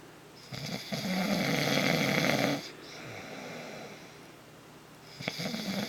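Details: Man who denies snoring, heard by his partner nightly for 8 years: a loud, rough, rattling in-breath snore lasting about two seconds, a quieter exhale, then the next snore, typical heavy snoring.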